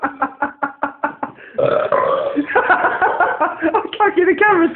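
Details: Man burping after kebab and cola: a rapid run of about seven short burps, then one long, drawn-out voiced belch; ordinary belching.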